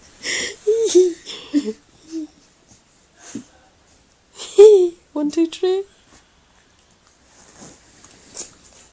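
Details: Staffie dog gives a run of short, sharp nasal sneezes and snorts with quiet pauses between; sneezing.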